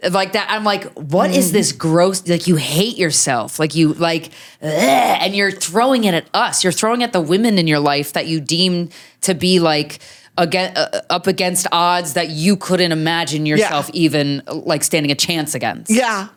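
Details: Adult woman speaking; normal speech.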